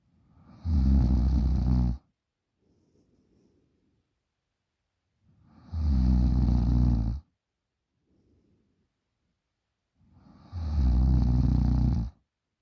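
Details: 20-year-old girl snoring very loudly in sleep: loud, rattling snores on each in-breath, about every 4.7 seconds (roughly 13 breaths a minute), with quiet out-breaths between; heavy snoring.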